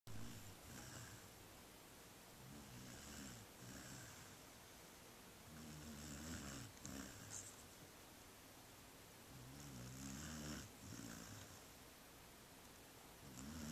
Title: Snoring furkid